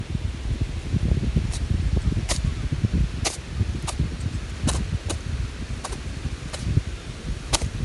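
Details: Young rabbit on Okunoshima (Rabbit Island), Japan, sneezing repeatedly: about nine tiny, sharp, irregularly spaced sneezes over outdoor wind noise.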